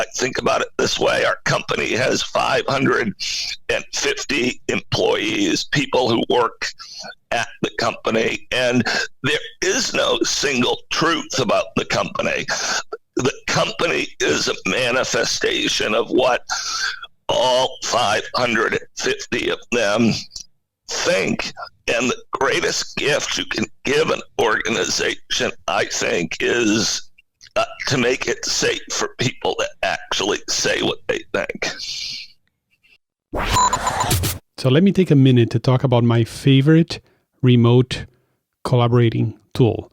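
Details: Adult male CEO with spasmodic dysphonia, a very rare neurological voice disorder affecting only speech, of no known cause and with no known cure; acquired in 2010, voice suddenly became hard to use. Finding: spasmodic dysphonia.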